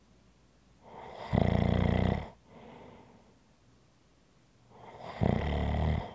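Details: ASMR relaxation recording of ordinary snoring: loud rattling snores on the in-breath, about 15 breaths a minute, with quiet out-breaths between.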